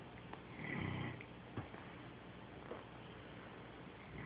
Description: My dog sleeping dreaming and snoring loud